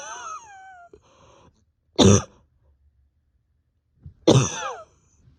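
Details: Cough: a whining moan, then two harsh, forceful coughs with pain deep in the chest and stomach, from an exhausted person awake 32 hours whose bronchodilator isn't helping.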